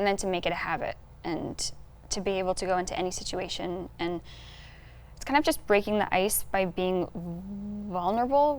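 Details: Adult woman who stutters, a speech-language graduate student: stuttering.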